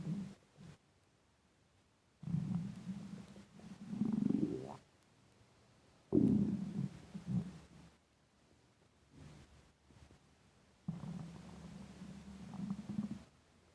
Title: Intense stomach rumbling hungry